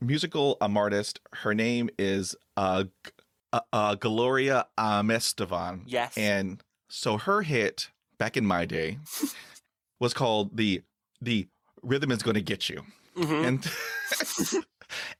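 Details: 49-year-old man who stutters and reports severe blocks with eyes closing and breathing stopping; part-word and whole-word repetitions; stuttering.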